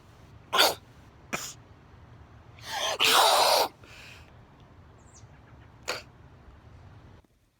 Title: Sneeze Compilation Fail